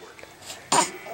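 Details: Baby playing on the floor: one short, sharp explosive burst after quiet room sound, a single cough or sneeze-like expulsion; followed by "bless you".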